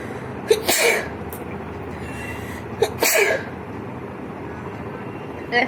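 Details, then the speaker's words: A deliberately induced sneeze during a sneezing challenge, with the nose tickled using a cotton bud (paper if that fails): two sneezes about two seconds apart, each a quick catch of breath then a sharp burst, over steady background hum. "তো চলো বন্ধুরা, কত হয়ে গেল হাঁচিও, আর করবো না। তো বন্ধুরা দেখতে পেলে আমার কতগুলো হাঁচি হলো।"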